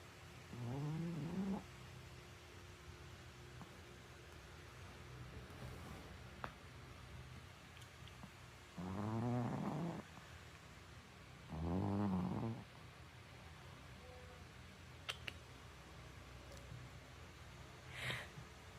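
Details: Tiny sleeping Chihuahua puppy snoring: three low, rumbling snores about three seconds apart with long pauses, in a quiet room.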